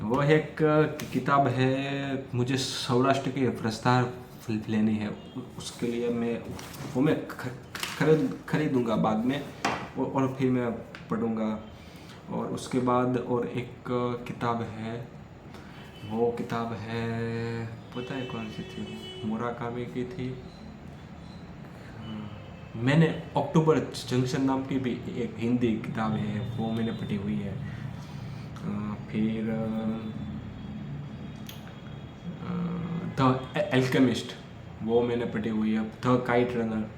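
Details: Stuttering in an adult male who stammers, recorded during day 5 of a daily speech practice routine, speaking freely as continuous-speech practice.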